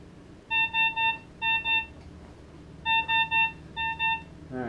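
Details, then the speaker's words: Zoll ProPaq MD defibrillator/monitor being tested with a simulated normal sinus rhythm during heart-rate alarm limit testing: quick repeated electronic beeps, one per beat, with low room hum behind. "so we got a sinus rhythm right now so we can stop that"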